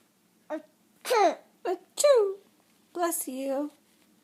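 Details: Child making several short voiced fake sneezes in a row, acted rather than real; imitated sneezing.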